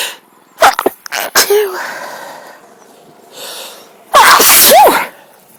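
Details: Sneezing fit outdoors in a park on a sunny, breezy day: several explosive sneezes in quick succession with gasping breaths between; the person thinks the sneezes come from a cold and suspects a mild tree pollen allergy.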